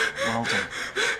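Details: Simulated dental-surgery emergency training scenario: fast, loud, gasping acted breaths from a patient, as in anxious hyperventilation; staff then coach slow, calm breathing.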